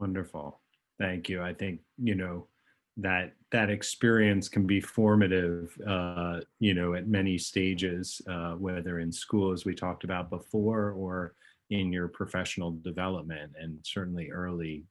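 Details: Adult male speaker; Normal speech.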